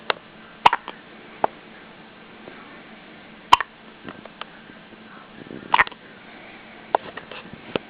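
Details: A baby hiccupping: brief, sharp catching sounds at irregular intervals over steady room hum, three of them prominent.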